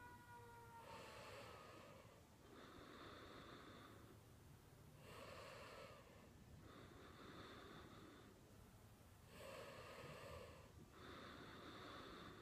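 Rhythmic noisy breaths with a rasping, slightly whistling quality, about three cycles in twelve seconds, over steady background noise; snoring.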